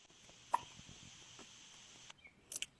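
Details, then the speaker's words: Twin infants hiccuping at the same time: faint sharp clicks, about three in under three seconds, against quiet room noise. "Tandem hiccups. I think if they keep it up long enough, they can probably actually get those in sync, too."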